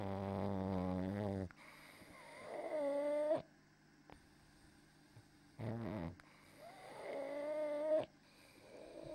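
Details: 9-year-old female Pug, 7.46 kg, with acutely worsened stridor, severe laryngeal collapse, epiglottitis and pharyngeal obstruction on expiration. With mouth closed there is a deep snoring-like expiratory rumble (stertor) alternating with a higher rising squeak.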